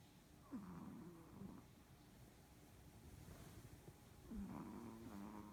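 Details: Snoring Pomeranian in deep sleep: soft, wheezy, whistling snores on each breath over background hiss.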